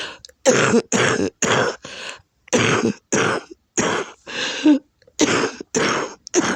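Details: Adult with a flaring lupus and congested lungs gives a run of about eleven harsh, rough, mucus-laden coughs with throat clearing; coughing so hard it has caused vomiting; back and chest hurt from coughing; productive cough.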